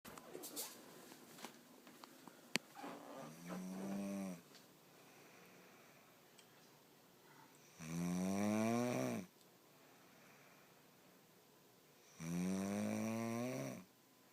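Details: Snoring: slow, tonal snores with a rising and falling whistle-like pitch, roughly every four to five seconds, separated by quiet pauses.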